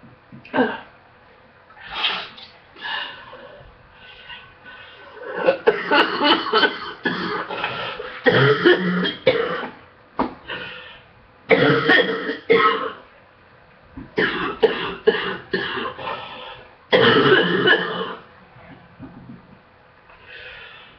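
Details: Repeated clusters of harsh coughing over about twenty seconds with breaths between, in the morning during an illness, while waiting for medication to take effect; the cough is improving except in the mornings.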